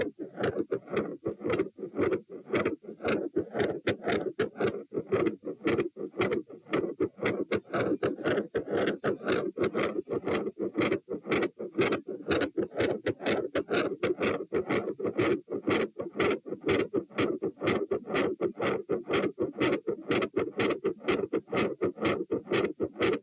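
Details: Recorded at position T while standing, 108–120 bpm: fast, loud, regular heartbeats near 120 a minute with an intermittent machinery-like murmur and a gradually changing second-sound murmur.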